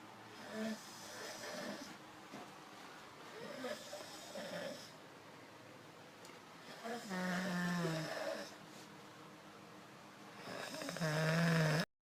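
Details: Irregular rough snoring breaths, some buzzing and fluttering, in a quiet room from a sleeping man; snoring.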